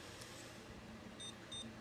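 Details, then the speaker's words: Two short high electronic beeps from a glucometer as a test strip is inserted (gold end up) before a finger-prick blood sugar self-check by a person with diabetes; quiet room noise. "you take the glucometer and then the test strips and i'm going to check my blood sugar on camera just so y'all can see how this works"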